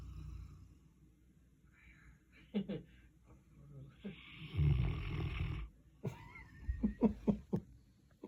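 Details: Big dog snoring in sleep: low rumbling snores with snorty, fluttering breaths and a few short sniffs.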